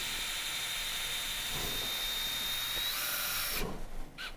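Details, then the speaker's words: Surgical drill, starting with a 5–6 mm bit and going slowly near the cortex, boring the femoral tunnel at the ACL footprint during combined ACL and anterolateral ligament reconstruction: high, steady whine with slight pitch change, then stopping. "I will start with a 5-mm or 6-mm drill. I close to the cortex, so I go very slowly."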